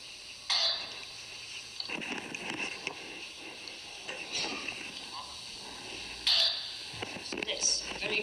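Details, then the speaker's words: Dry cough in a child: short, sharp coughs without a rattle, played back in a room, contrasted with a child's wet cough in a talk on persistent bacterial bronchitis in children. "es una tos muy seca"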